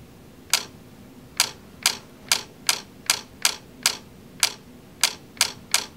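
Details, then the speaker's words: Ellex Ultra QR laser vitreolysis of an anterior vitreous floater close to the lens, viewed on and off axis: eleven sharp laser-firing clicks in six seconds, about one every half second. "it doesn't work for posterior floaters but here we go little clicking sounds here okay"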